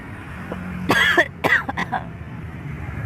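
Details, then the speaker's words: Two harsh cough bursts, the second breaking into short after-coughs, with traffic noise behind, heard right after a recited call to prayer (adhan) by a man with a cough; cough. "Anda batuknya itu setelah adzan saja teman-teman ya. Kalau bisa micnya dimatikan dulu lalu Anda batuk ya."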